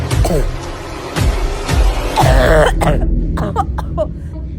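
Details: Young woman who is sick gives deep, harsh barking cough bursts with throat clearing, over background music.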